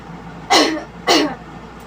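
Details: Nursing student return demonstration of coughing exercise, patient hugging a pillow against the abdomen for support: two deliberate, forceful coughs about half a second apart, meant to clear lung secretions; voluntary cough.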